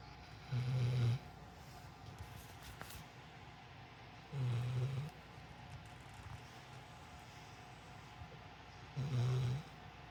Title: just snoring away